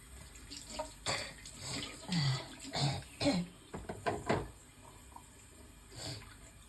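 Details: Throaty retching, hawking and coughing bursts with spitting over running tap water; person bringing up a lot of phlegm after coughing while brushing teeth made them feel nauseous.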